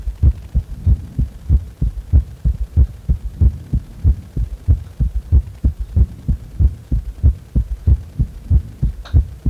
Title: 仰向けでの休憩中の心臓音